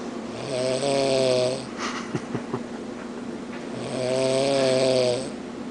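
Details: Adult woman snoring while passed out asleep: two loud, rattling snores on the in-breath with a quiet breath out between them; ordinary snoring.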